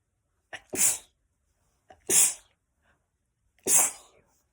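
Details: Three hissing sneezes in quick succession from a girl, each preceded by a short catch of breath; sneezing.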